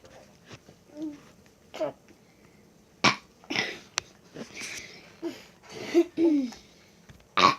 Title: My brother burping a lot ......lol